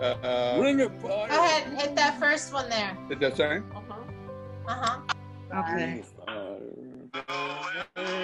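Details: Adult man speaking, possibly with a second voice; ordinary speech.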